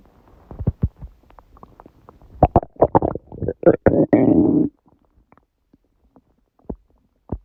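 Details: Loud gurgling, bubbling stomach growling (borborygmi) in quick bursts ending in a long low growl, then scattered pops; recorded at 1:30 am, about six hours after eating too much udon, the first gluten in a while.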